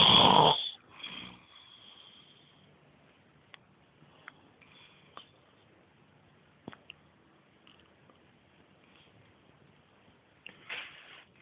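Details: A loud, rough snore at the start and a softer one near the end, with faint clicks and quiet breathing between, possibly futon creaking; snoring.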